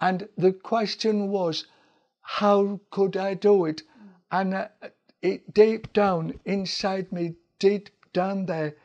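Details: Adult man attending an aphasia centre for several months; he could not speak at first and his speech gradually returned; aphasia.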